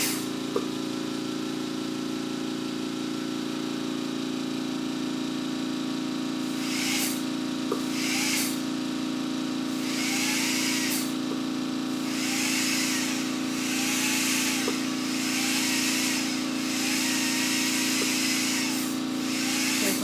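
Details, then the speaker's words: Constant high whine of a dental polisher spinning prophy paste over an anesthetized, intubated dog's teeth, with short repeated bursts of spray; veterinary dental power instrument during a dental cleaning. "Prophy paste. Smells like blueberries. It's our polisher. See, it spins."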